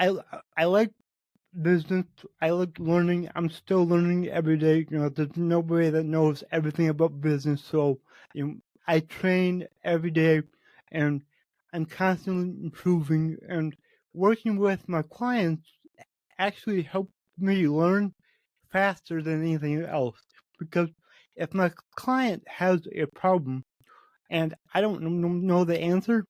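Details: Man with cerebral palsy, which he says affects every muscle in his body, in his own spontaneous speech; he reports his speech has improved since 8 months earlier as his health improved; dysarthria from cerebral palsy.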